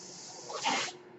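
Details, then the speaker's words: Home mechanical ventilator noise heard during a podcast recording by its user; a soft airy hiss swells and fades over about half a second, the ventilator's breath gas flow. "that noise you hear is my ventilator."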